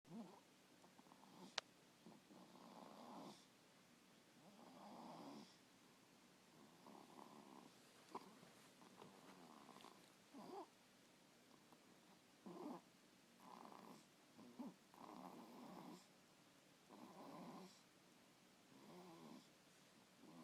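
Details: Sleeping in a swing: soft, rough, repeated breathing noises roughly every two seconds, some with a faint purring quality; light snoring.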